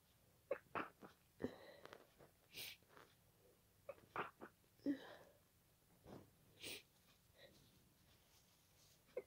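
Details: Night-time sneezing fit attributed to pollen, with congested nose, watery eyes and nasal tickling: several short, wet, explosive sneezes with quick breaths between them in a quiet room.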